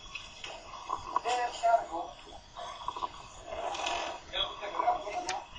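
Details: Patient unable to clear the airway: coarse gurgling rattle with each breath, predominantly expiratory, from secretions in the larynx and trachea, audible even without a stethoscope; tracheal rattle.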